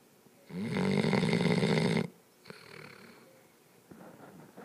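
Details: Loud, rattling snore lasting about a second and a half, then quieter, softly noisy breathing from a sleeping, crashed-out puppy: snoring.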